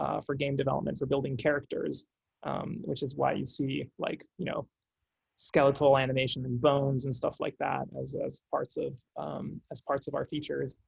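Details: Adult male speaker; no disorder.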